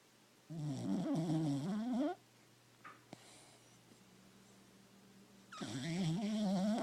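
Two long, loud buzzing snores with a quiet pause between; ordinary snoring of a dog in deep sleep.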